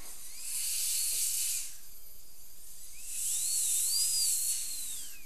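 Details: High-pitched whine with rising and falling pitch and hissing spray, trimming under the contact and marginal ridge of the temporary crown for an all-ceramic crown on a lower right second molar, tooth 31; dental drill.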